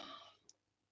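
A single short, dry cough burst that fades quickly; a dry cough.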